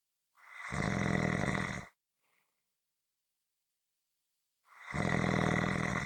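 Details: Loud, rough, buzzing snores on the in-breath, separated by long quiet pauses: typical snoring.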